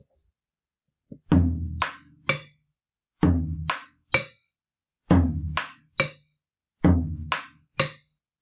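Simulated heart sounds in repeating groups of three, with a sharp, early, high-pitched snap after the second sound.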